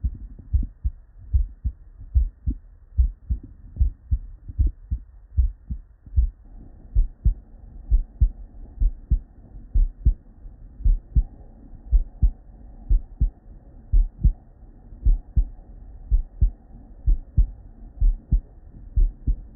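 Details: Real, unedited human heart sounds recorded at the bedside from a patient with normal cardiac physiology: regular low paired thumps at about 100/min with a soft hum behind; normal first and second heart sounds.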